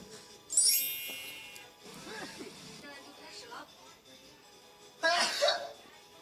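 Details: A sneeze that startled a puppy nearby.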